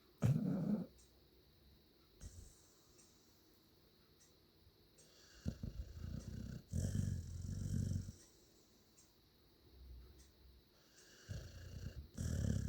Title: Chip snoring 2/1/2020